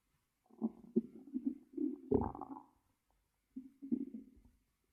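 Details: ASMR recording of stomach growling in a quiet room: low gurgling, rumbling bursts from gas and fluid moving through the gut; normal bowel sounds (borborygmi).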